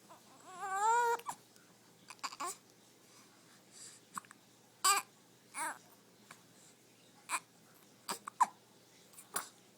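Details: Infant hiccups: a brief whimper, then repeated short, sharp, irregularly spaced catches in a quiet room.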